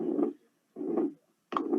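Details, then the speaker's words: Pericardial friction rub on auscultation: scratchy, creaking, discontinuous sounds like creaking snow, repeating about 80 a minute, one during systole and one or two during diastole, mimicking a systolic-diastolic murmur. "Con respecto a la auscultación, el soplo se parece al rechinado o al crujido de la nieve. Bueno, Está nosotros no tenemos nieve. Sonidos cortos por cada ciclo cardíaco."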